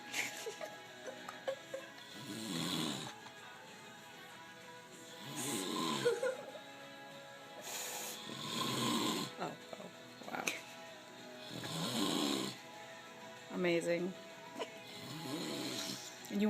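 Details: Heavy snoring, loud, rough snores roughly every three seconds, about 19 a minute, with faint music in the background.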